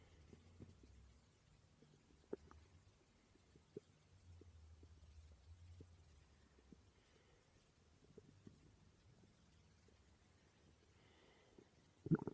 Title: My stomach growling while I slept, 600 subscriber special ❤️